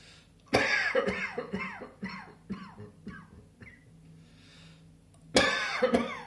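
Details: Two loud bursts of coughing separated by a fading, ringing string sound in a quiet room; cough.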